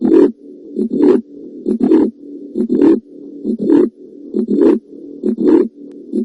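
Regular, loud heart sounds at about 67 beats a minute, with a low, steady whooshing hum that carries on between the beats. This is a heart murmur, the sound of turbulent blood flow through the heart.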